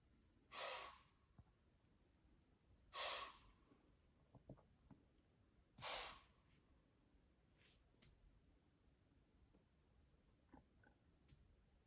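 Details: Deer wheezing: three forceful, hissing blasts of air about two to three seconds apart, followed by a quiet pause.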